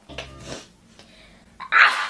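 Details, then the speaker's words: Single sharp, hissing sneeze after faint quiet sounds; the person said a strong smell made them want to sneeze. "it's such a waste of a sneeze sneeze oh now too with that it also smells like I'm gonna sneeze"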